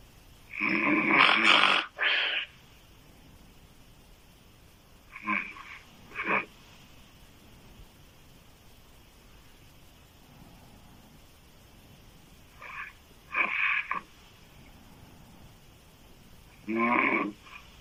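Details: Loud, harsh, rattling open-mouth snores from a woman, in irregular bursts with quiet gaps; heavy snoring that sounds like a man's.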